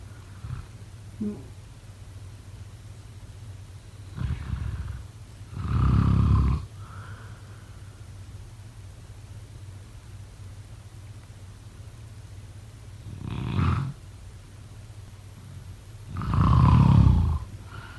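Deep, rumbling snores in irregular bursts, some louder and longer than others, separated by quiet gaps; ordinary snoring during sleep.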